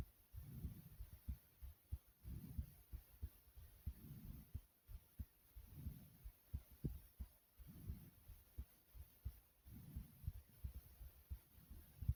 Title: My Heartbeat Recording